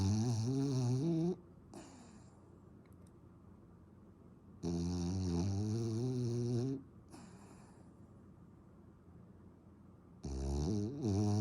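Loud, long, buzzing snores with quiet pauses between, about 11 breaths a minute; heavy snoring.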